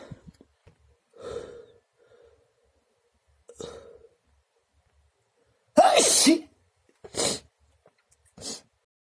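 A run of sharp, explosive sneezes, some with a short breath in before them, in a quiet room. Allergic sneezing.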